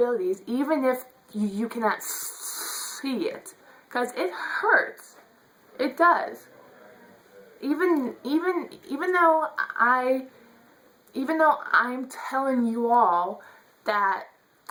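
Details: Adult woman who says she stutters; stuttering.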